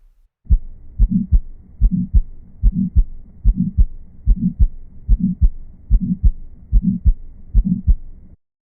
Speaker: La bonne réponse est : Souffle systolique d'éjection. Ceci se retrouve dans la sténose aortique et la sténose pulmonaire.